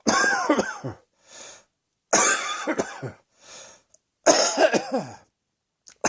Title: Cross Dressing Coughing 10